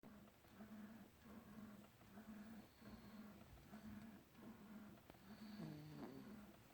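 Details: Rhythmic buzzing snores, about seven short cycles in under seven seconds, with a faint whine near the end; ordinary snoring.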